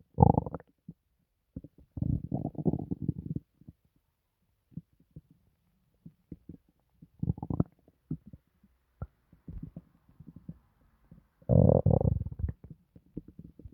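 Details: Loud stomach gurgles and rumbling bursts with quiet gaps from the person's own belly, reported as not painful, after a recent hospital visit; active bowel sounds (borborygmi).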